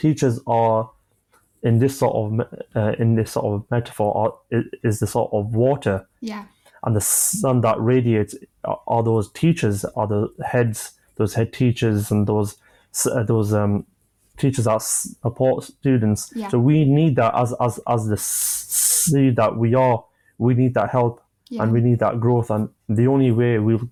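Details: 25-year-old man who has stammered since early childhood, onset he attributes to an asthma attack; describes blocks and manages them with breathing methods and pauses; stuttering.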